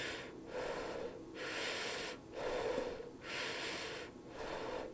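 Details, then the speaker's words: Vesicular breath sounds heard over most lung fields, played as a teaching example: soft, low-pitched inspiration and expiration that flow continuously with no gap between them. "الانسبيريشن اطكسيريشن زين يكون لوبي ساوند سوفت ان انتي زين واغلب المكان تسمعها باللنج"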